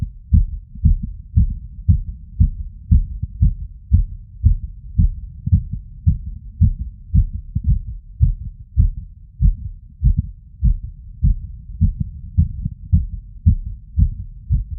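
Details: Stethoscope diaphragm at the tricuspid valve area after exertion: heart sounds with a brisk rhythm and uneven spacing between some beats, a cardiac arrhythmia.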